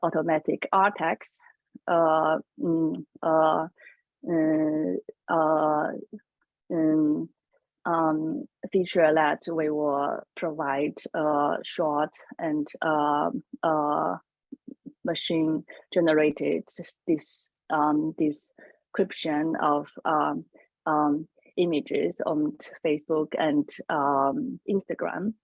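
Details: Adult woman who says she has a stutter, speaking on a panel; stuttering.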